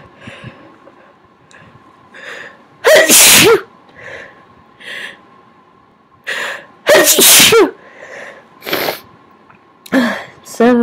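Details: Sneezes deliberately induced by tickling inside the nose with a Q-tip: three loud, explosive, wet sneezes, each preceded by quieter sniffs and indrawn breaths.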